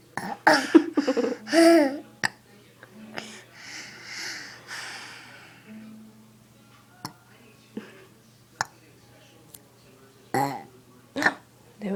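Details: A young boy deliberately making himself burp: loud throaty gulping bursts, then quieter clicks and short vocal sounds; burping.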